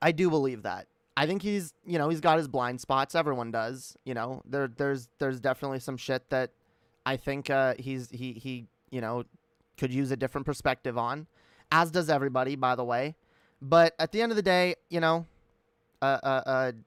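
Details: Stuttering in an adult woman who says she stutters herself, speaking live on a stream; real, not acted.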